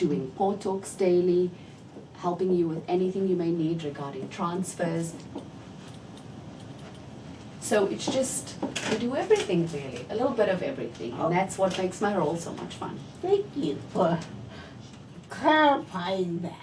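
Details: Adult woman; typical speech.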